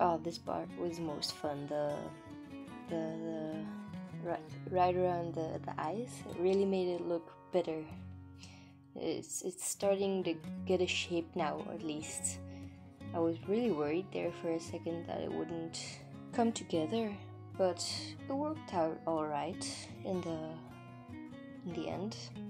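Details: Stuttering in an adult woman, non-native English speaker; she says it is not usual for her and comes from recording nerves; word and part-word repetitions.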